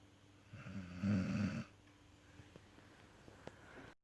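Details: Snoring: one loud, rough, rattling snore about a second long, then quiet breathing in a small room.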